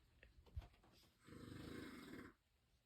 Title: Random snoring